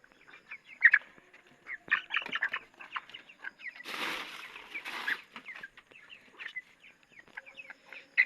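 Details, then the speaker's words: Poultry with a respiratory cold. Young chickens chirp and cluck, and sick birds shake their heads and give short, sharp "khek khek" coughs. "এই দেখেন কাশি দিচ্ছে মানে ওর সাউন্ডটা কেমন খেক খেক কইরা এই দেখেন দেখছেন ওর কাশিটা কেমন খ্যাক খ্যাক খ্যাক করে কাশি কাজতেছে"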